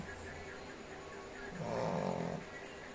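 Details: Shih Tzu snoring: quiet steady breathing, then a louder low snoring rumble with a nasal buzz on one breath.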